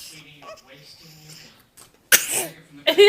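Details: Brief talk, then a sudden loud explosive burst and a second forceful burst at the end; sneezing, though the onlooker asks whether the person is pretending to sneeze.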